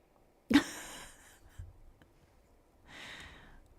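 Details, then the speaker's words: One sharp sneeze, then a softer, breathy snorting puff through the nose, from a female pet that snorts a lot: sneezing and snorting. "Jammy is like doing a whole sneeze fest. Can y'all hear that? Are you Are you all right?"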